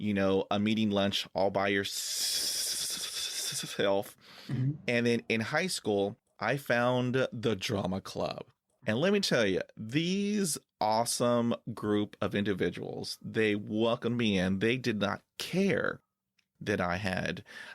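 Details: Stuttering in an adult man who has stuttered since childhood and says he uses filler words to get past blocks.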